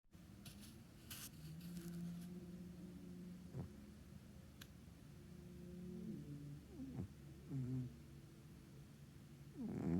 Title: Loud cat SNORING 😹